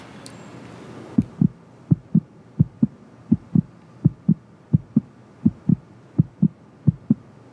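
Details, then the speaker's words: Fast regular whooshing pulses about 130 a minute, a fetal heartbeat on an ultrasound monitor, played in a TV drama scene (simulated). "Bence de biraz da sesini açar mısın Kalp atışların duymasını"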